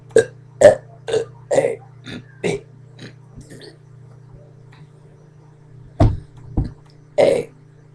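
A run of about nine short, low, gurgling belches, some close together, then a pause and a few more.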